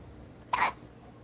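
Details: Baby who hiccups often: a single short, abrupt hiccup against quiet room noise.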